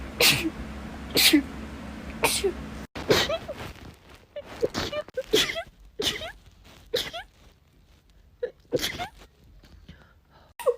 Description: Short compilation of rapid sneezes